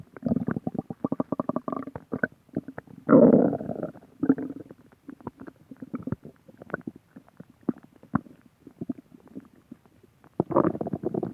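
Gurgling, bubbling rumbles with crackly pops and a few longer growls; normal stomach growling.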